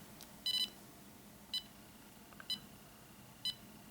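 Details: EMAY EMG-20 portable ECG monitor, user holding its metal electrodes with both hands: high electronic beeps, one per heartbeat, about 60 to 75 a minute, in a quiet room, normal heart rate.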